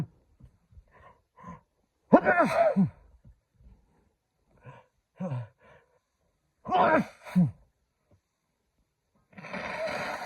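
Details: Rapid, hard-to-contain allergy sneezing fit: quick catching breaths building into two forceful sneezes with groaning voice, then a further noisy burst; allergies flaring that day, with more sneezes still coming.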